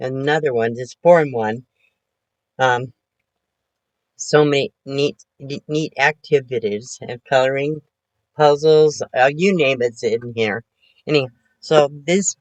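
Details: Post-stroke aphasia in a 72-year-old woman recovering from her second major stroke, which she says affected her thinking; she is talking much better, with word repetitions, restarts and word-finding errors.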